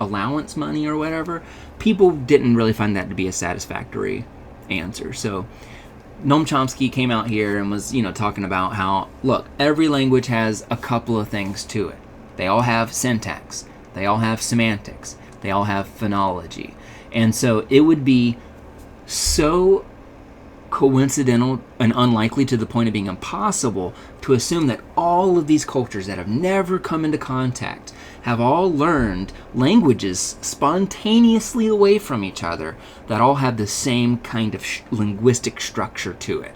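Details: Adult male speaker; normal speech.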